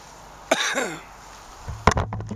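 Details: Two ordinary coughs recorded outdoors at a lake on a sunny day: a sharp explosive cough with a brief voiced tail, then a second short burst, over low outdoor rumble.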